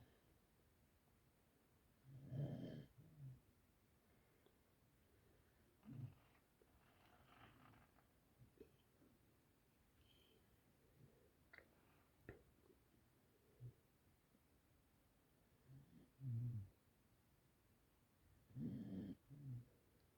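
Soft low rumbling snores recur irregularly, several over twenty seconds, with quiet breaths between; ordinary dog snoring.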